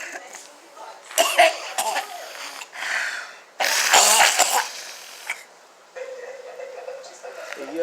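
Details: Adult woman, apparently unwell and being cared for, coughing: several abrupt, harsh cough bursts with faint voices and room noise.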